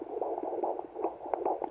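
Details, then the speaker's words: Fetal heartbeat on a home Doppler at about halfway through pregnancy (fifth baby): rapid, whooshing, galloping pulses at 146 beats per minute. "146 beats per minute always lovely to hear the heartbeat and according to this um according to the old wife's tale it must be a girl"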